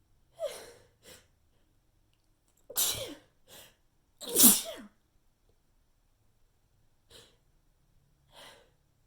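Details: Sneezing fit from a persistent tickle, with the first several sneezes missed: about seven quick sneezes, mostly small, weak and stifled with two louder ones, none strong or satisfying.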